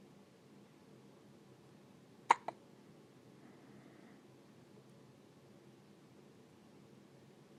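Quiet room noise broken by one sharp, abrupt catch-like sound with a quick second click right after, then quiet again; a typical infant hiccup.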